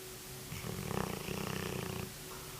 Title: Corso Snore